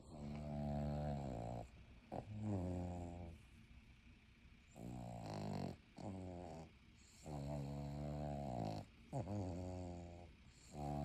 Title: Snoring like a buzz saw part 2